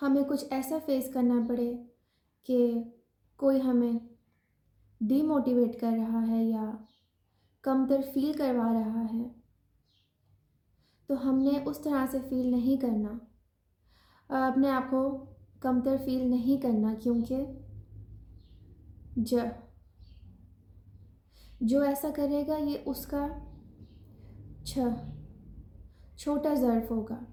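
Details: Adult woman, self-described stammerer who was formerly severe and now controls her stammering with techniques learned in self-help sessions; stuttering.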